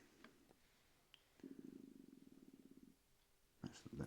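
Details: Stomach rumbling (borborygmi): a soft, low, bubbling rumble of about a second and a half, typical of ordinary stomach gurgling.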